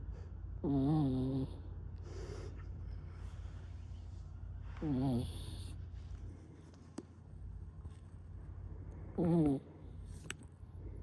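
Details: Small Yorkshire Terrier (Yorkie) snoring while asleep: soft, rumbling snores on inhaling, about 14 a minute, over a steady background hum and faint music.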